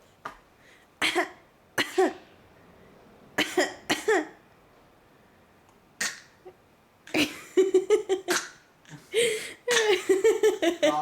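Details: A young child, mixed with babbling and laughter, imitates an adult family member's cough with short coughs and throaty sounds.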